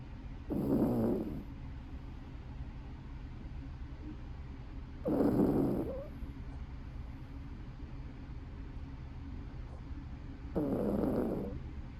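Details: Puppy snoring in sleep: three rumbling snores about five seconds apart, roughly 11 a minute, over steady room hiss.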